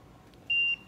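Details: ICU ventilator alarm on an intubated (ET tube) patient, taught as possible low-pressure alarm from a cuff leak with no visible disconnection: single steady high-pitched electronic beep about a quarter second long.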